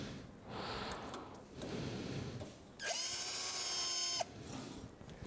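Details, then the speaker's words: Power driver in reverse giving a brief high motor whine as it backs out femoral cutting-block fixation pins on a Sawbones model during simulated total knee replacement teaching; pin holes later take the definitive component pegs. "هنفك المسمارين اللي احنا حطيناهم دول تماما، ودول برضو بيعملوا لي مكان البيجز بتاعت الديفينيتيف كومبوننت."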